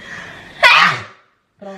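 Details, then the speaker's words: Sick person with sneezing and inflamed eyes: a brief in-breath followed by one loud, explosive sneeze that fades quickly, then room speech. "Если кто- нибудь знает какие-либо народные средства от чихания и воспаления глаз, пожалуйста, сообщите нам."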